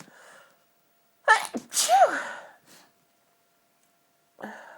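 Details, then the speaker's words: Sneeze attributed to dust allergy while trying to talk: a quick inhaled gasp, then a single loud, explosive sneeze with a trailing voiced tail, followed by quiet breathing in a still room. "I thought I'd try and talk to you all while sneezing for my allergies to dust about what inspired me to start my show my own fetish show and what the fetish means to me and so far I'm not doing very good trying to talk well"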